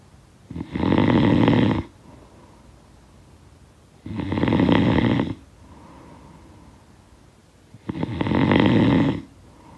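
Loud rattling snores on each in-breath, about 17 a minute, with quiet breathing out between. Typical snoring.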